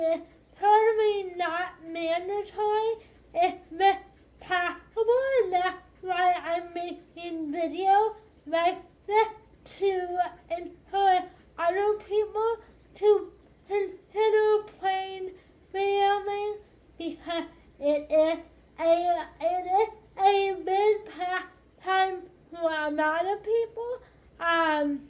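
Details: 25-year-old woman with cerebral palsy affecting hand movement and walking: dysarthric speech in cerebral palsy.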